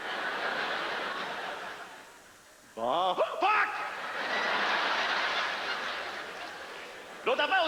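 Two abrupt voiced gulping sounds over audience noise, an adult's imitation of hiccups.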